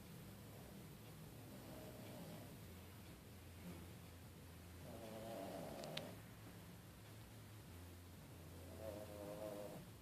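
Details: Snoring "like a freight train": soft, low rumbling breaths recurring every few seconds over room noise; light snoring.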